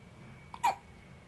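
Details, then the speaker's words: A single sharp, abrupt gulping hiccup over quiet room noise from a baby lying on a playmat, one of his frequent big hiccup bouts; infant hiccups. "here is with his i don't know 500th set of hiccups he's gonna think that's the way to live those are big hiccups yeah those are big hiccups"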